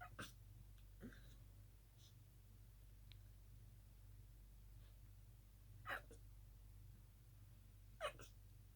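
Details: Night-time sneezing fit, mostly stifled: several brief, muffled, held-back sneezes spaced irregularly over quiet room hum, each coming out small and suppressed.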